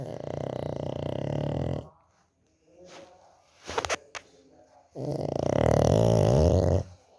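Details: A sleeping dog snores: two long, rough, rattling low buzzes on the in-breath, with a quiet out-breath and a small rustle between them.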